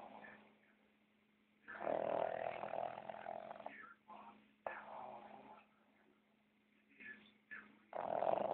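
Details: Sleeping with his eyes open; rough, fluttering breath noises of uneven length over a steady low hum: snoring.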